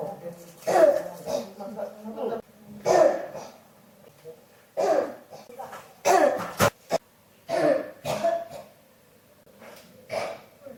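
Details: Persistent cough that will not stop (hashtags mention pneumonia, unconfirmed): about six repeated harsh coughs over ten seconds in a quiet room, some with a rough throaty edge.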